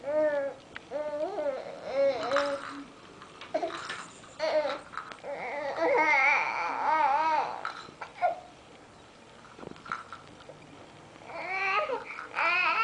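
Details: Infant girl fussing and hiccuping: rising and falling fussy cries and whimpers in bursts with quieter pauses, a frustrated, unsettled cry in a small room.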